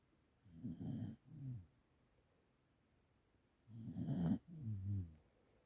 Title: My dog 🐕 snores xx :) xx